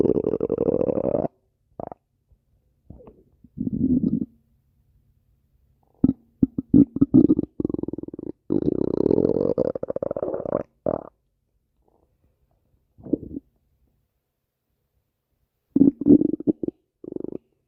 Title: stomach growling 23